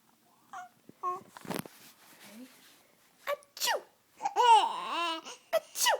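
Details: Baby's first giggles: babbling and giggling with short sneeze-like bursts mixed into the laughter.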